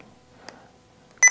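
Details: Sapphire multi-therapy single-channel infusion pump during setup of an infusion: short electronic keypad beeps during operation, with a louder confirmation beep at the end; normal device feedback.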